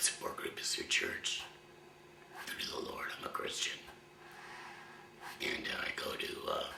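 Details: 53-year-old man about one year after total laryngectomy for throat cancer; voice prosthesis placed two months ago, now used with a hands-free device rather than finger occlusion of the stoma; used an electrolarynx for the first 10 months; finding: tracheoesophageal speech after total laryngectomy.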